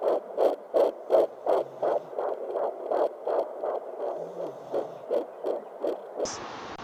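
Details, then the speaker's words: Fetal heartbeat on Doppler ultrasound, audible from weeks 10 to 12 as a positive sign of pregnancy; rapid, regular galloping whooshes around 165 a minute. "week 10 to 12 on positive sense of pregnancy we have fatal heart is audible so via doppler ultrasound we could hear the heartbeat of the"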